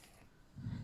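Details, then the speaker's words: Background snoring from the household's habitual snorer, heard behind a person talking; ongoing snoring. "you can hear is still snoring she must have some very happy dreams I think"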